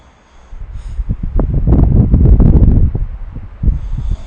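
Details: Sleep snoring recorded with the SnoreLab smartphone app: one low, fluttering snore rises and fades over a few seconds.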